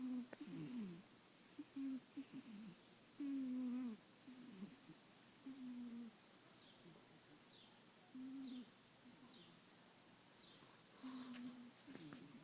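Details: Cat named Jake sleeping under the owner's arm makes soft, whistly nasal snores, some gliding downward, in a quiet room: snoring.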